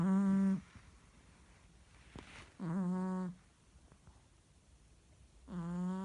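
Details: Merle Chihuahua sleeping: soft, tonal, humming snores, one with each breath, separated by quiet pauses; snoring.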